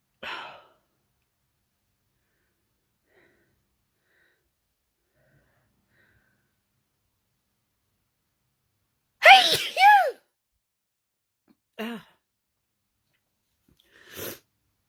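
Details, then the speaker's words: Person who started sneezing while looking at their phone, trigger unknown: several separate sneezes with voiced cry-like sounds between long silences; paroxysmal sneezing fit. "Actually, I was watching TikTok when I started sneezing. Do you think it's TikTok is making me sneeze?"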